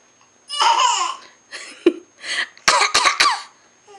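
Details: Child making several deliberate, voiced fake coughs with a laugh-like quality, not a sign of illness.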